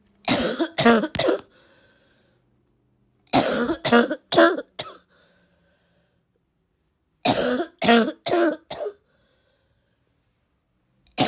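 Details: Girl who is still sick and coughing a lot, tagged as a barking cough and coughing fit: three bursts of three to four harsh coughs with quiet pauses, about ten coughs in total.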